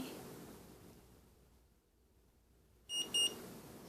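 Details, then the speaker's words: Omnipod tubeless insulin pump pod being filled with insulin via syringe: quiet room, then two short high-pitched beeps confirming insulin in the pod before activation and priming. "there's two beeps so that means it's acknowledging there's insulin in there"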